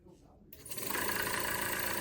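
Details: Home care suction machine switched on before tracheal suctioning through an artificial airway: a brief quiet, then the motor rises to a steady loud whirring hum.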